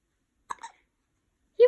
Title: Hiccups! May 28